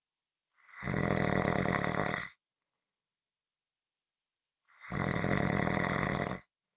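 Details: Two loud, rough, rattling snores with silence between them during sleep; snoring.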